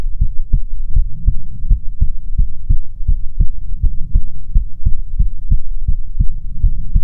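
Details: ASMR heartbeat recording: steady, regular low thumps at about 140 a minute, slightly uneven in strength, with a soft hum behind; normal heartbeat.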